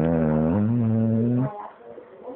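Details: A single low, droning snore from Bow, a female dog asleep, lasting about a second and a half, dropping slightly in pitch partway, then fading into quiet breathing: snoring.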